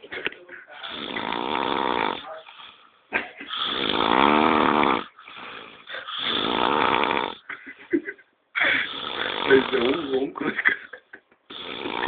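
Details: Heavy snoring: loud, long, raspy breathing noises in repeated cycles, somewhat voiced and muffled; the owner jokes that he seems to be dying.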